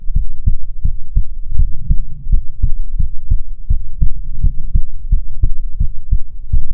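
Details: ASMR heartbeat recording: steady, regular, deep close-miked lub-dub heartbeats at about 85 a minute; a normal heartbeat.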